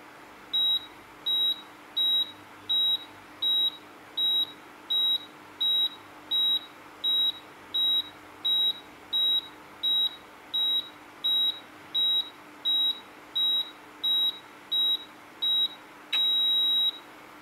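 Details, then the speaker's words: Microlife 3NZ1-1P automatic upper-arm blood pressure monitor running on its own while the person being measured stays silent: evenly spaced high beeps at about 85 a minute, then one longer tone when the measurement ends. "chị đo thì mình không nói chuyện nha và sẽ để máy tự chạy để cho cả nhà mình thấy cái máy hoạt động như thế nào"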